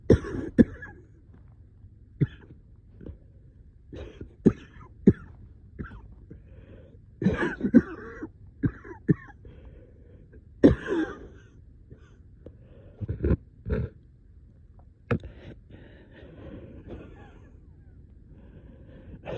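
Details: Coughing fit at 3 am in a quiet room, with repeated sharp coughs and throat clearing in short bursts over about twenty seconds; the person reports being very short of breath.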